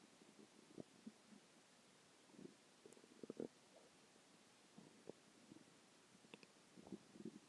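Quiet, irregular gurgles, squeaks and rumbles from the belly; ordinary stomach growling from normal gut movement.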